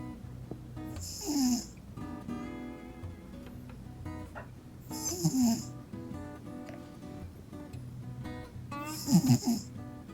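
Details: Cat snoring during sleep, described as sounding human-like: three snoring breaths about four seconds apart, roughly 15 a minute, over steady background music.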